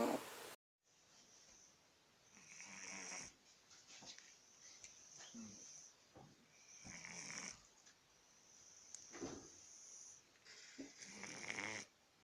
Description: When cat snoring in sleep he is in a state of deep relaxation.